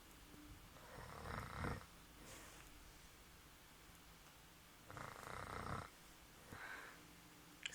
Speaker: This is proof that my mother snores, and very loud.